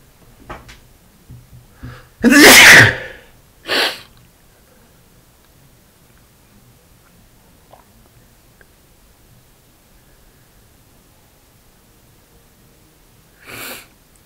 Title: 3 sneezes and nose blow (m)